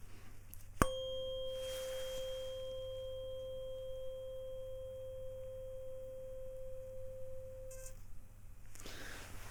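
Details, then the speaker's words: Rinne test in a simulated cranial nerve exam: tuning fork struck and placed behind the ear, ringing with a steady pure tone that slowly fades. "okay so this is the sound really simple when it starts I want you to say now okay and when it stops I'm going to say now okay"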